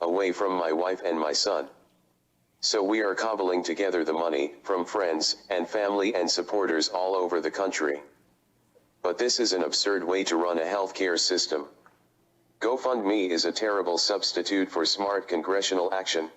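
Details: Adult man diagnosed with ALS about three years earlier who has lost the ability to speak, testifying through a computer voice; synthesized speech from a speech-generating device (loss of speech from ALS).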